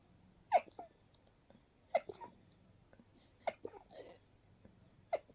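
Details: Stifled night sneeze attack, held back to avoid waking others: four brief, muffled, suppressed sneezes about a second and a half apart in a quiet room.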